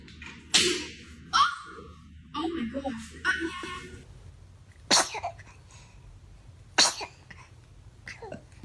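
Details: Baby sneezing: several short, sharp explosive bursts of air with quiet room sound between them. Sneezes.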